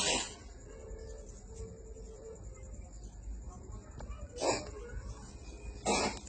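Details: Cat coughing: three short, harsh bursts spaced a few seconds apart over quiet room noise.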